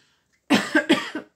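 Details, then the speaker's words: An adult who has been getting sick for three days and is losing their voice coughs in two voiced, somewhat hoarse double bursts. "si je tousse par un moment mais je vous dis depuis de TR jours je commence un petit peu à être malade"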